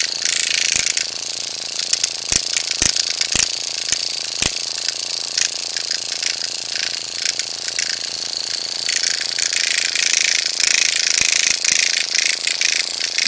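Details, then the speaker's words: Motorized microneedling pen on a woman over 50's own neck wattle area, needle depth increased to 0.75: steady high buzzing whine with light tapping and clicking as it moves over skin. "I'm going to go ahead and do this waddle area down here but I'm gonna increase the depth of the needle 4.75"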